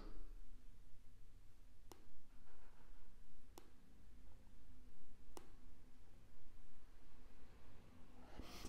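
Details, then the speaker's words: Jaw-joint clicking heard while opening the mouth with two fingers on the temporomandibular joints, a louder noise on one side said to indicate mild temporomandibular dysfunction: three sharp, isolated clicks against quiet room hum. "En fait vous écoutez le bruit de vos articulations temporo-mandibulaires et vous entendez un endroit d'un côté où le bruit est plus fort voilà ; ça veut dire que vous avez une légère dysfonction tempo-mandibulaire"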